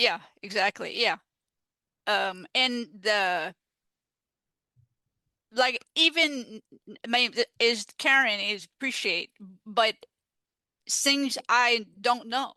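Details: Adult woman with aphasia after stroke, a peer-support advocate; finding: aphasia.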